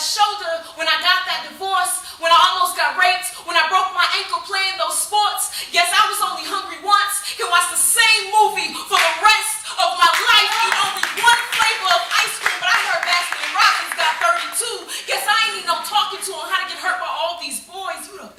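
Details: Adult woman; ordinary speech.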